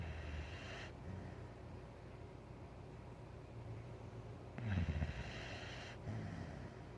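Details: Soft low snuffling snores and a brief snort from a white boxer dog sleeping on a couch in a quiet room; ordinary canine snoring.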